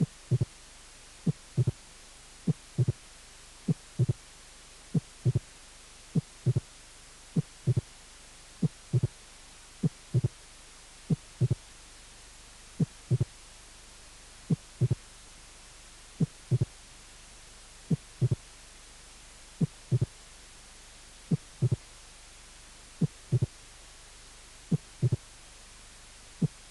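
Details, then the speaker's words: Late mitral opening snap, 10 hundredths of a second after the second heart sound, from a cardiac auscultation teaching course. "y castillo de apertura mitral tardío a 10 centésimas de segundo del segundo ruido"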